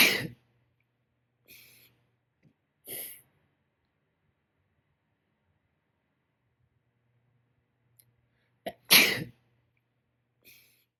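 A run of sharp, hissing sneeze bursts separated by quiet pauses, two of them forceful: a sneezing fit.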